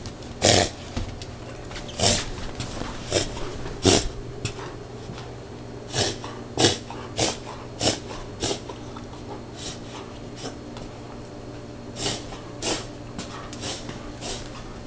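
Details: A dog with kennel cough, an airway infection, makes repeated harsh, snorting, labored breath sounds.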